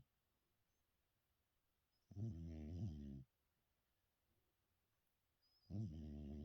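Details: An ageing dog that has always snored, with the snoring growing louder with age: two loud, rough, droning snores about three and a half seconds apart, separated by quiet.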